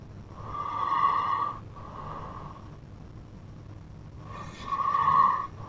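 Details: A sleeping brother snores very loudly with droning snores on repeated breaths and a quieter snore between two strong ones. Heavy snoring.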